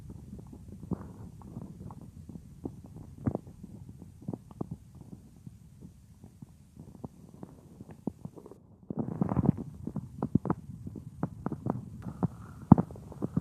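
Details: Real recording of a woman's own stomach, which she says sometimes gets loud, made for a roleplay: irregular gurgles, pops and rumbles from the belly, busier in the second half; ordinary stomach growling (borborygmi).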